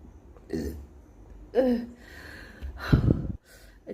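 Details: Person burping after eating very spicy kimchi that burns stomach, nose and mouth: several low, rough, throaty bursts in a few seconds, heard as repeated burps.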